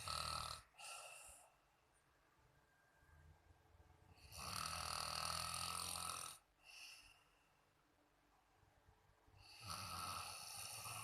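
Loud, rough, rattling snores on breathing in, separated by quiet pauses of several seconds; ordinary adult snoring.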